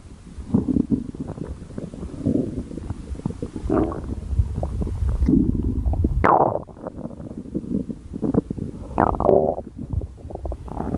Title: Mom schoolboy runaway cute stomach growl beach